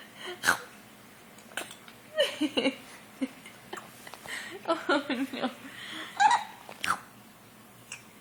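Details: Brief, abrupt catching sounds among giggles and babbling, fitting infant hiccups.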